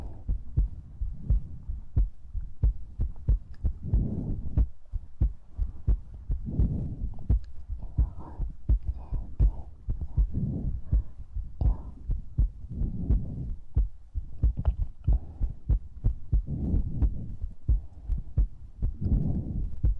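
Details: ASMR recording with breathing, mouth sounds and heartbeat: soft, low, muffled thumps with breathing and mouth sounds through a close microphone; heartbeat.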